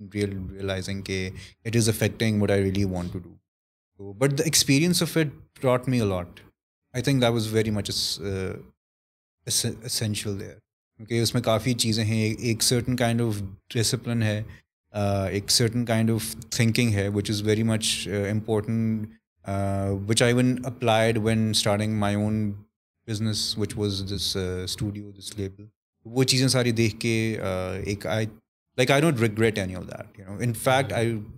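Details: Adult male with stuttering (stammer), reportedly worse when he is conscious of it.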